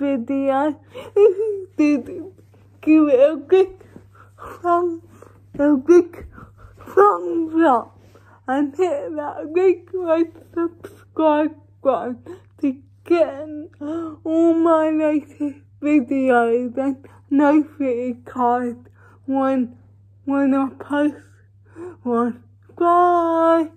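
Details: Dysarthria in cerebral palsy, female vlogger, real everyday speech.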